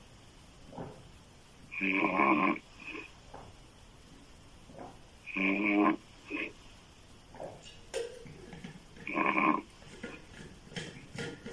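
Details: Female loud open-mouth snoring: loud, throaty, buzzing snores recurring every few seconds with quieter breaths between.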